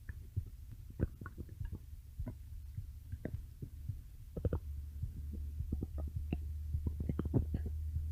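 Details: Stomach growling (borborygmi): irregular soft gurgles and clicks over a low steady hum, ordinary bowel sounds.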